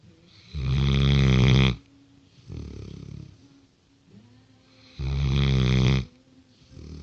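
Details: Six-month-old Great Dane sleeping: loud, deep rattling snores on each in-breath with softer out-breaths between; snoring.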